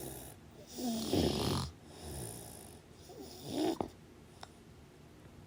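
Rough, rattling breathing noises during sleep with some background hiss; snoring.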